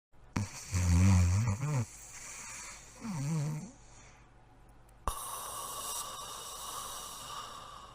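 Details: Sleeping Broholmer dog giving two loud, low, rattling snores on in-breaths, followed by a sudden burst of room noise; snoring.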